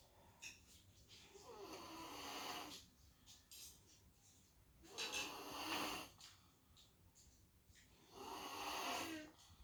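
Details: Loud, harsh, rattling snores with each breath, about 19 a minute, in a quiet room from a sleeping little girl; ordinary snoring.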